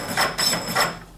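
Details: Automatic piston CPR device in 30:2 mode during a demonstration: rhythmic mechanical ratcheting thumps, about three a second, as it automatically restarts chest compressions after two ventilations.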